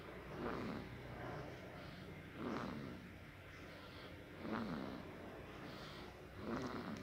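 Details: Sleeping baby snoring softly with a rough sound on each breath, about 15 breaths a minute.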